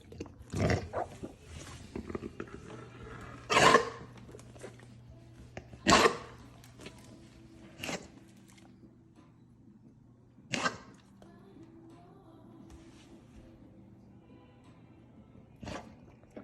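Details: Young Golden Retriever with cricopharyngeal achalasia drinking water from a raised bench. After a moderate amount he cannot swallow it all, water enters the airway, and he gives about six sharp, harsh aspiration coughs.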